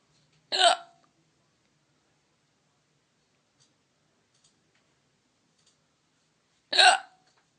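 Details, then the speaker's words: Woman with persistent hiccups that won't stop despite trying everything; laughing makes them stronger: two loud, voiced hiccups about six seconds apart with near silence between; hiccups. "no se me quita. Ya escuché. Pero pues, ¿qué hacemos? Si me hace reír más, me da más fuerte."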